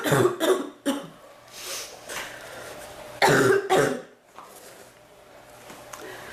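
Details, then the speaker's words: Adult with a recurring cough that hurts the chest and back, more the back, and comes and goes; it feels like it is drying up and letting up tonight. Two clusters of loud, hacking coughs, several bursts each, with a brief exclamation between. "oh it hurts my chest and my back more my back than my chest to cough it seems like it gets better and it gets worse"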